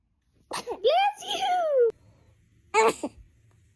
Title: Baby sneezes #baby #fypシ #foryou #cute #interesting #cutebaby